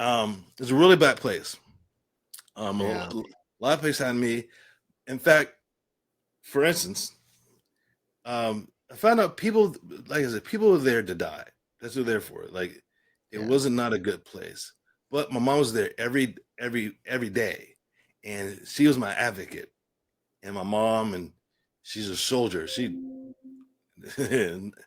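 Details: Adult man with aphasia following a stroke and traumatic brain injury, with a coma and later speech therapy, speaking in conversation.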